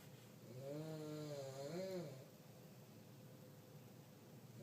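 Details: Elderly woman (grandma) snoring in sleep: one long, droning snore with a rising and falling voiced tone, then quiet breathing.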